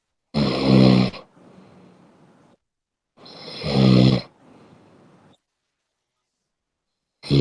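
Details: Person snoring while apparently asleep: loud, rough, rumbling snores on each breath in, each followed by a softer breath out, about every 3.5 seconds.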